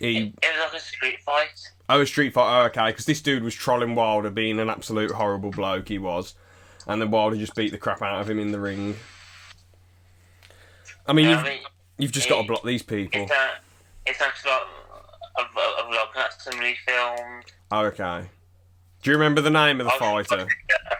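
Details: Stuttering (stammer) in a podcast co-host who still stammers, with repetitions of words or sounds and noises lasting a few seconds.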